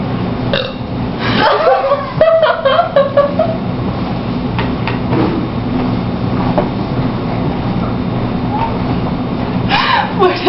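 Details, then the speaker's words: Several deliberate voluntary burps during a burping contest, over steady room or vehicle noise, the loudest near the start; burping. "now we're going to try and see if we can burp at all nothing"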